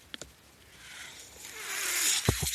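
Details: Ventilator audible behind the user's own speech while he records a Star Wars podcast, delivering breaths as he talks. Mechanical ventilator breathing cycle.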